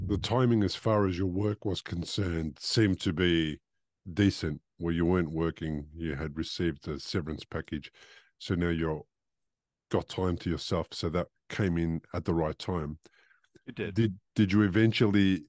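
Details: Adult man speaking; typical speech.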